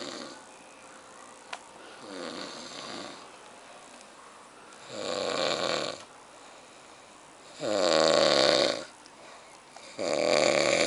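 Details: Young man snoring loudly: rattling snores on the in-breath, growing louder over four breaths at about one every 2.5 seconds; heavy snoring.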